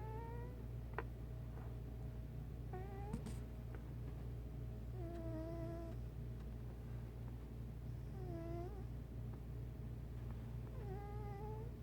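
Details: A 1-year-8-month-old cat snoring while asleep: squeaky, whistling snores with each breath, about 25 a minute, over a steady low rumble.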